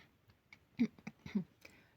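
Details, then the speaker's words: Demonstration of a gentle cough meant to avoid striking and injuring the vocal folds when clearing sticky mucus: a few soft, airy cough-like throat clears; gentle cough (soft throat clearing). "Как правильно делать к-кхе? Очень нежно, очень экологично, интеллигентно, если хотите. Вот так."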